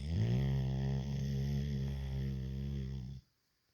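One long, deep, droning snore lasting about three seconds that stops abruptly; loud sleep snoring.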